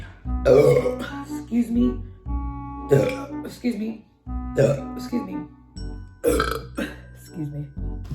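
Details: A woman's burping compilation: a series of long, deep belches in quick succession over background music, each followed by "excuse me"; ordinary burping.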